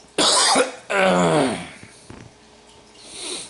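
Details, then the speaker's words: Adult with COVID-19, third night unable to sleep lying down, coughing at 2:30 a.m. (sleeping in a living-room chair): a sharp cough followed by a longer, voiced, groaning cough, then quiet. "so now it's uh 2 30 in the morning and i can't sleep laying down again coughing so"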